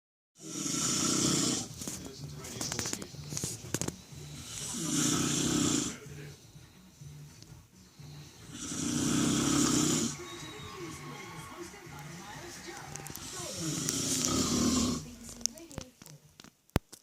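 Loud rough rattling snores on each breath, about four cycles with quieter pauses between, in a small room.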